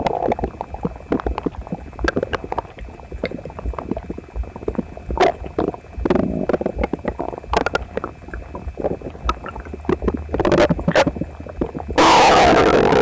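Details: Person's frequent gurgling, bubbling abdominal sounds with loud rumbling bursts, recorded with a phone pressed to the abdomen after a breakfast of toast, eggs and milk; he was visibly uncomfortable, stomach a little upset the other night: loud borborygmi.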